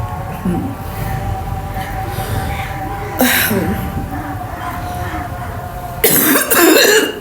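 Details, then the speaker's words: A few deliberately imitated, simulated coughs and throat-clearing sounds from a woman in a cough challenge, amid background noise and faint music. "हाँ guys, जब मुझे real में खांसी लगती है ना, जब मेरी ऐसी आवाज हो जाती है, ओ अभी मुझे लग रहा है सच्ची में हो रही है। रुकती भी नहीं है।"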